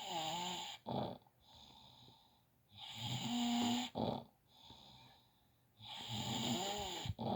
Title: snoring 🐷🤫